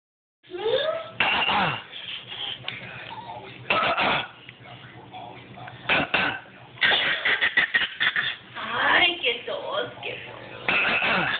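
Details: Child coughing several times in sharp bursts, with voiced sounds and breaths in between.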